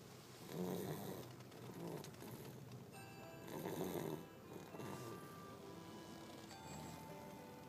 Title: Snoring in the car